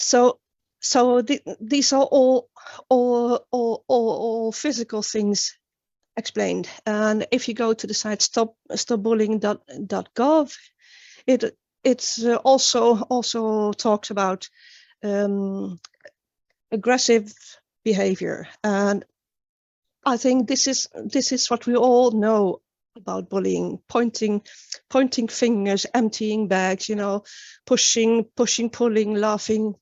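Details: Adult woman who has stuttered since age nine; stuttering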